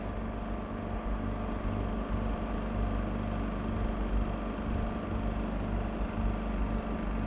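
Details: Imported double-bottle suction machine running with its regulator: steady low motor hum with a faint rhythmic pulsing.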